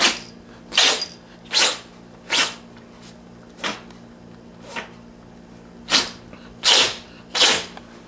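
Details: Female cat who sneezes like this often, about 50 times in a row (vet says she will survive): run of eight sharp, hissing sneezes in about eight seconds; sneezing.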